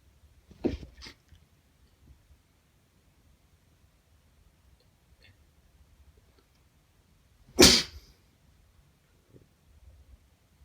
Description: I sneezed five times.